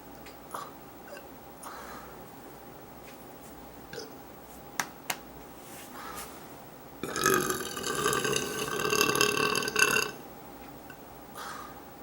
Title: Burping Girl Folding Laundry